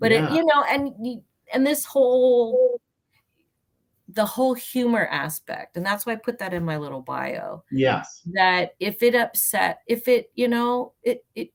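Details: Adult woman with aphasia after a traumatic brain injury from a car accident in May 1990, about 30 years earlier; she says it worsens when she is nervous. She also has mild one-sided low-tone hearing loss.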